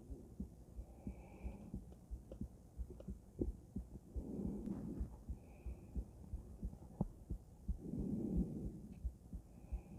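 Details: Female heart auscultated with various stethoscopes through a microphone, moving from Erb's point to mitral, tricuspid, aortic and pulmonic areas: soft, low beats about 88 a minute, partly covered by breathing and handling noise; normal heart sounds.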